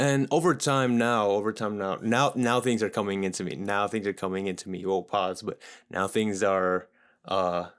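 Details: Adult man who stuttered severely as a child and still stutters here and there; word repetitions; stuttering.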